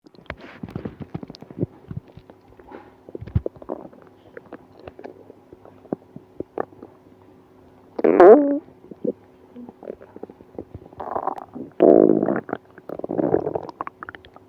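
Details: Stomach pain after eating ice cream: gurgling, squelching abdominal rumbles in irregular bursts over a steady low hum: active bowel sounds, borborygmi.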